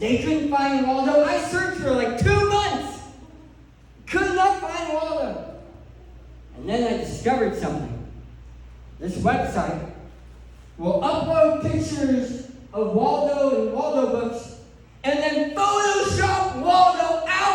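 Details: Adult male who lost 80% of his tongue to cancer, leaving a permanent speech impediment; articulation disorder after partial glossectomy.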